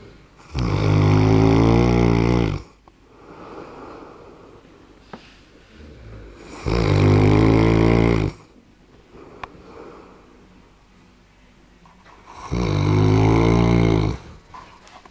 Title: Mastino snoring